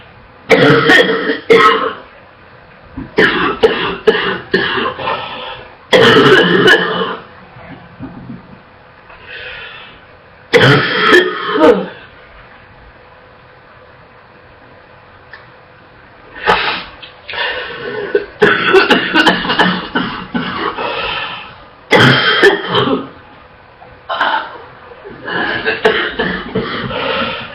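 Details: Girl coughing non-stop, barely able to catch her breath: repeated bouts of rapid, harsh coughing with brief gasping pauses and gagging, a barking and wet cough.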